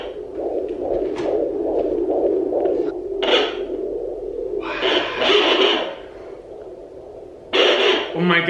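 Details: Handheld home Doppler on pregnant abdomen, heard for the first time: fast, rhythmic whooshing pulses about 140 beats per minute; fetal heartbeat.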